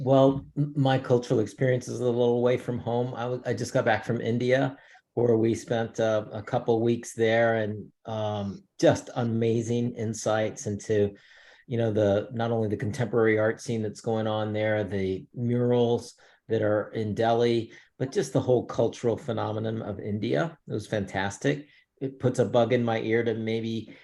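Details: Adult man speaking; Normal voice.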